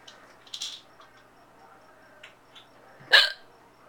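A few soft catches, then one sharp abrupt hiccup sound near the end; hiccups.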